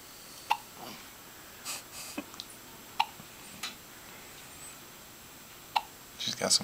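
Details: A newborn's first hiccups outside the womb: three brief, sharp, quiet catches a few seconds apart, with soft rustling in between.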